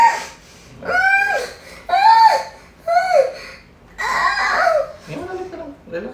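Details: Newborn just after a normal vaginal birth to a 20-year-old mother: repeated high-pitched wailing first cries, mixed with nearby talk.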